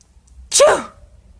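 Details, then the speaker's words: Acted sneeze in a Stikbot stop-motion skit, character claims allergy to a pink flower: a single sharp, loud sneeze burst after a brief quiet intake. "hey stick pas why are you sneezing so much oh sorry I'm seeing to be allergic to a pink flower"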